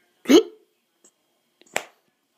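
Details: Two sudden, sharp, voiced gulping hiccups about a second and a half apart in a quiet room, heard while a person explains breathing in and holding the breath to stop hiccups.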